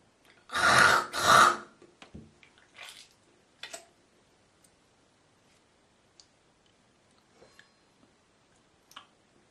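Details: Girl coughing: two loud harsh coughs, then throat clearing, hawking and spitting in a quiet small room; ordinary cough with hawking.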